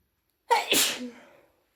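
A single sharp sneeze with a brief intake before the burst, heard during a cold.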